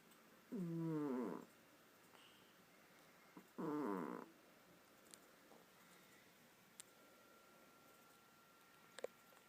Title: My cat Poopers snoring